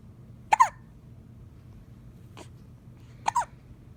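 Sudden short gulping hiccups, two clear ones about three seconds apart with a faint catch between, in a quiet room.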